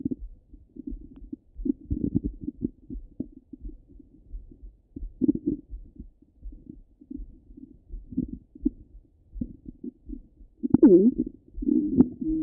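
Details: Stomach rumbling from a half-hour recording, heard through a stethoscope: soft low gurgles and clicks with a brief louder rumble near the end, bowel sounds.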